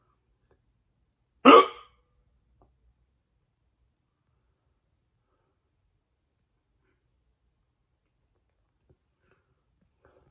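A single sharp, abrupt hiccup sound in an otherwise quiet room; a hiccup from sudden diaphragm spasm with snapping shut of the vocal cords.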